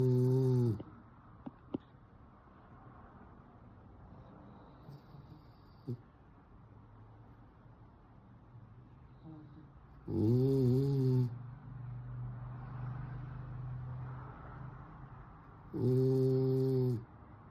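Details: French Bulldog snoring during sleep: three loud, low, buzzing snores several seconds apart, with quiet breathing between.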